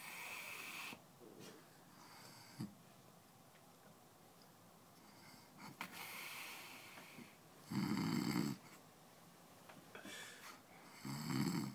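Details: Rough, rattling snores at irregular intervals with hissy breaths between them from a sleeping adult man; snoring.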